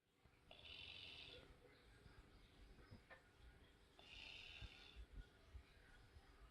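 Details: Quiet snoring in a sleeping dog: two soft, hissing, rasping breath sounds with faint snuffling and room noise between them.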